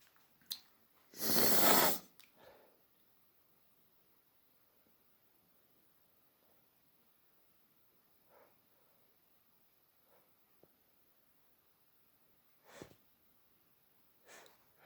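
One loud explosive sneeze, then quiet breathing and a few small snorts in a quiet room.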